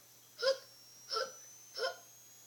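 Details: Animated character Chase in a cartoon episode: three short voiced hiccup sounds about two-thirds of a second apart over a faint steady hum; hiccups.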